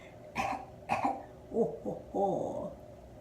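Two sharp, acted coughs into the elbow, followed by a few short voiced throat sounds.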